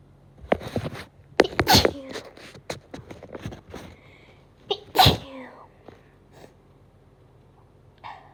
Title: Sneeze 🤧